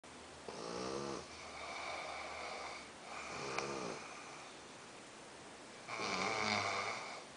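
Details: Two sleepers snoring, one softer; three slow, buzzing, tonal snores on breathing in, about 8 breaths a minute, with steady room hum; snoring.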